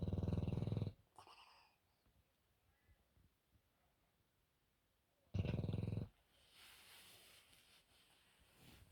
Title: Bulldog Bear Snoring